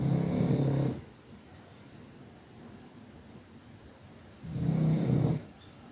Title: Funny Pug snoring 😹 #shorts #ytshorts #funny #comedy #pug #dog #viral #youtubeshorts #video #snor